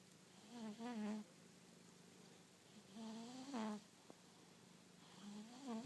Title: Proof that my cat snores almost as loud as my husband